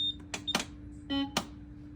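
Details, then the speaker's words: Maquet adult ventilator starting its pre-use check, chosen on the touch screen at power-on: electronic beeps and tones with sharp mechanical clicks during the internal self-test. "so it will ask you do you want to start your preuse check you say yes is a touch screen so it starts um internal"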